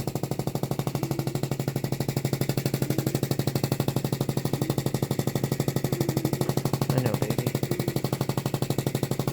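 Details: Rapid, steady mechanical thumping from a chest percussion device. It is used to break up mucus in a transplant patient who was intubated for a long time and cannot cough it up alone; painless, the patient fell asleep afterward.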